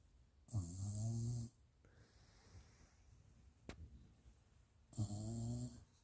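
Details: Small Jack Russell pup snoring loudly while asleep and being cuddled: two loud, rattling snores on the in-breath, separated by a quiet out-breath.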